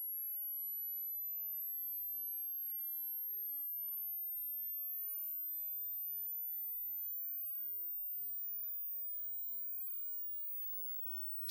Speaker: So, what's happening here is the sound is gradually increasing in frequency. And once you can't hear it anymore, that is your hearing age.